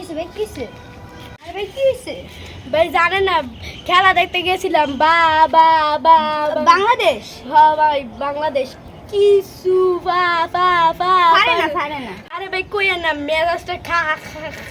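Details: Acted stuttering in a Bengali comedy skit about three stutterers; in character, the speaker says he stutters a little.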